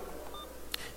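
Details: Alaris infusion pump (BD) booting and being set up for a new patient profile: faint room hum with a few soft tones and one short, sharp electronic beep as a key is pressed.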